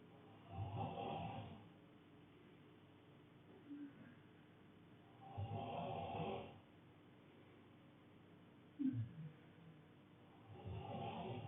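Low rattling snores about 12 a minute, each lasting a second or so, with brief soft snorts in the pauses.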